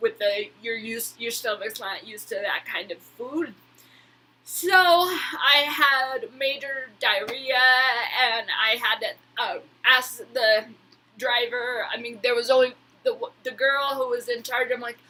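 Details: Woman with Huntington's disease who attends speech therapy, speaking; hyperkinetic dysarthria (Huntington's disease).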